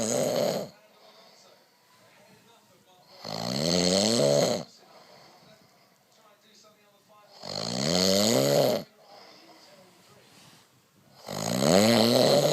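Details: Adult man (husband) snoring in sleep after drinking too much wine: loud, rattling snores on each breath in, about 15 a minute, quiet exhalations between; snoring.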